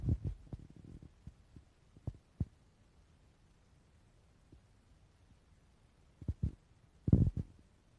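Low gurgles and rumbles come in short irregular bursts with quiet stretches between them. These are ordinary bowel sounds, a growling stomach.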